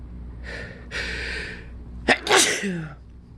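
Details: Allergy sneezing fit, described as harsh sneezing: an inhaled build-up, then two forceful explosive sneezes in quick succession, the second louder with a brief voiced trail.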